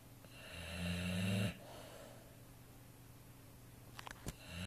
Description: Tess is an 18 month old Neapolitan mastiff X american bulldog, and her snoring is like thunder ...